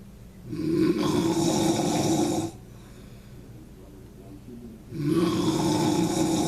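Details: Adult man (father) snoring so loudly it scares the cat: two loud, rasping inhaled snores about four seconds apart, with quiet exhalation between; heavy snoring.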